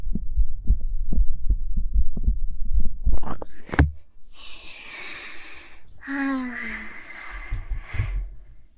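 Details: Quick, steady heartbeat thumps through a chest microphone from a person who is very nervous while playing a horror game: fast normal heartbeat, then handling noise and hiss.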